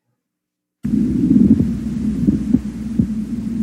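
Low, rough creaking and grating sounds come through a chest recording, over a steady low hum. This is a pleural friction rub: inflamed pleural layers rub together with breathing. It disappears once fluid collects between the layers.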